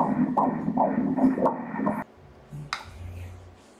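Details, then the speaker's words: Fetal heartbeat on Doppler during ultrasound at 13 weeks of a second pregnancy: fast, rhythmic whooshing pulses at 147 beats per minute, a normal rate. "Aquí está el corazón latiendo... ¿Dónde? Aquí... el bebé moviendo el corazón [Latidos del corazón]"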